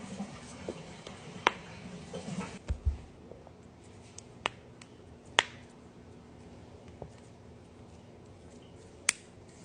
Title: cracking joints